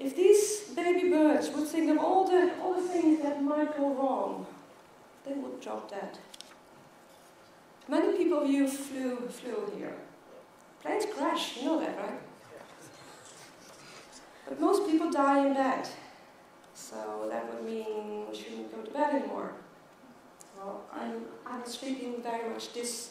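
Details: Stuttering in an adult woman who has stuttered since age 9, with blocks where her mouth opens and nothing comes out.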